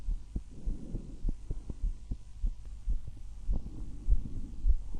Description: It is the heart and breath sounds of me.